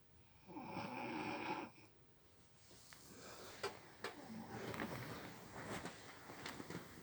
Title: A story of a girl who wont stop snoring chanel honston